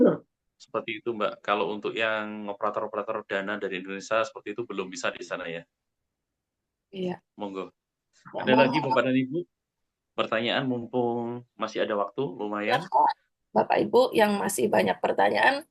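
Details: Adult male speaker; Normal speech.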